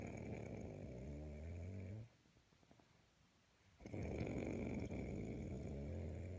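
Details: Two loud, low, rattling snores with a quiet breath out between them, from a sleeping man (kitty's dad) that startled a kitten kneading on him; snoring.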